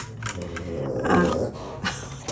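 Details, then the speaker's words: A single loud, low, rough rumble swells and fades as he breathes in during sleep, his usual all-night sleep sound: snoring. "That was his big snore. I hope you heard that cuz that's my life. That's how he sleeps all night long."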